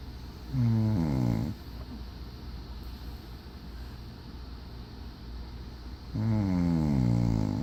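Two loud, low, rattling snores on the in-breath, about five seconds apart, with quiet breathing between: ordinary snoring.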